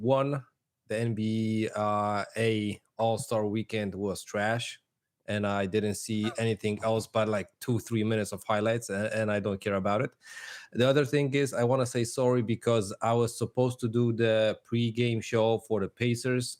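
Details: Adult male speaker; Normal conversational speech.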